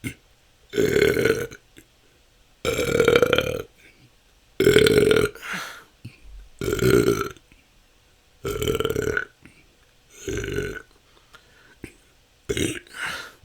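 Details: Person's natural, continuous burping recorded with an improved microphone; loud, voiced belches repeat roughly every two seconds, about seven in under fourteen seconds. The person says it can go on for hours and has been a long-standing struggle. Excessive belching (eructation).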